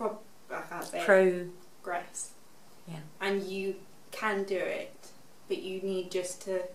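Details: Expressive aphasia in a 24-year-old woman, six years after a stroke at age 18.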